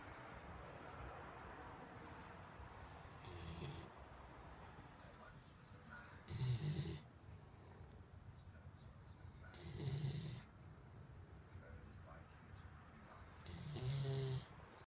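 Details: Low snorting snores every three to four seconds against steady background noise; ordinary snoring.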